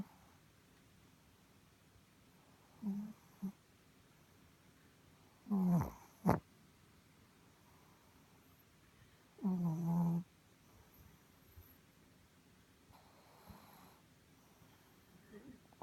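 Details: Sleeping pet: three soft, rumbling snores spaced several seconds apart in a quiet room: snoring.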